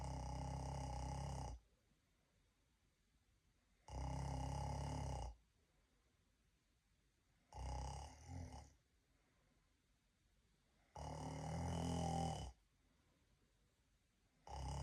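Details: Laotian person deliberately imitating snoring, not real sleep: loud, low, rumbling snores on each in-breath, about 16 a minute, with quiet gaps between.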